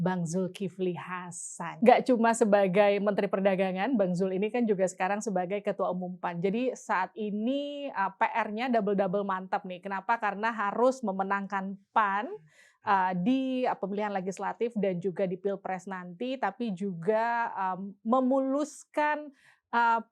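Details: Adult woman speaking; Normal speech.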